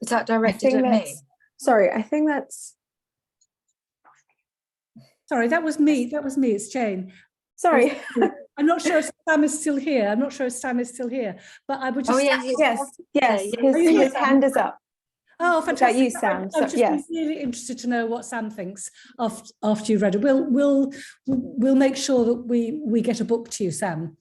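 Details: Stuttering in a female attendee at a stammering charity event who says she has a stutter.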